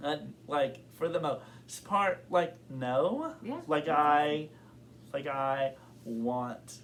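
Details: Adult man who has stuttered since kindergarten and reports blocks and severity that varies over time; stuttering.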